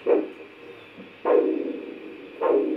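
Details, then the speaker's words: Simulated ankle-brachial index with actors: continuous Doppler probe over the left dorsalis pedis artery, cuff two fingers above the left ankle deflating; a whooshing pulse returns, three beats about 1.2 s apart, marking ankle systolic pressure. "using the probe the pulse of the dorsalis pedis artery is located the cuff is inflated until the beat of the pulse can no longer be heard undef lated until it is recovered"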